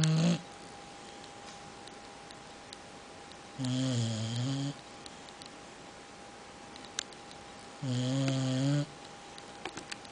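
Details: Boxer dog snoring: two long, deep, buzzing snores about four seconds apart over a quiet room hum.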